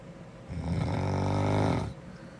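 A single loud, rattling snore on a breath in, lasting about a second and a half, with quiet breathing before and after.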